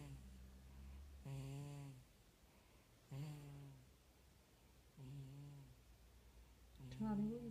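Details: 4-month-old baby boy with a snotty nose snoring while asleep: regular whistling, squeaky nasal breaths about every two seconds, with a low hum at the start; snoring through a blocked nose.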